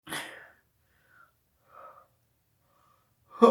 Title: St Patricks Day Sneezes